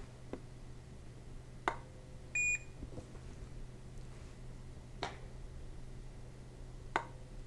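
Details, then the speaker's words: A single short electronic beep over quiet room hum with a few soft clicks, from an SAV04 pressure-cycled small-animal ventilator; the beeps can be muted by pushing and holding the right-hand knob. "the beeps you hear can be quieted or muted by pushing and holding the right hand"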